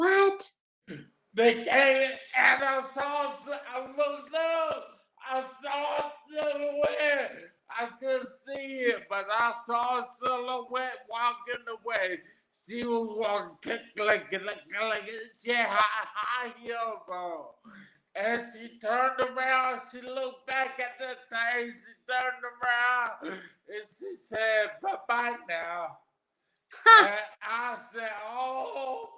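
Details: Adult man, 41, with aphasia after three strokes, the first at age 27 from an arteriovenous malformation, about 13 years earlier; aphasia.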